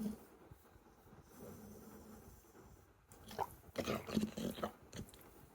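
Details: American Bully dog snoring while asleep: snorting, grunting, pig-like, uneven snores over faint room noise.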